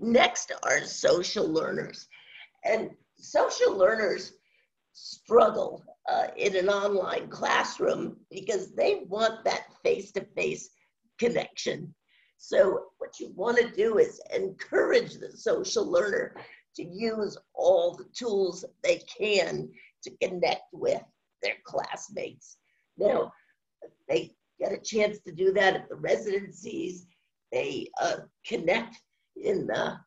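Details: Woman with spasmodic dysphonia, which she says has no cure and has worsened since onset around 2010; she receives Botox injections for it; spasmodic dysphonia.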